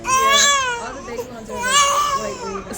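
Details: Two long, high-pitched wailing cry bursts from an upset baby girl in pain just after getting her ears pierced; infant crying.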